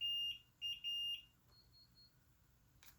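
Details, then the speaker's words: IV infusion pump alarm: three shrill repeating electronic beeps, then quiet. The pump warns of a distal occlusion, meaning the tubing is kinked, possibly from the patient bending their arm. Recorded in a nursing lab. "it says distal occlusion which means it's been kinked off maybe they bent their arm something like that's going on"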